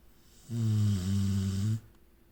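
One long, deep, droning snore lasting just over a second, steady and low-pitched.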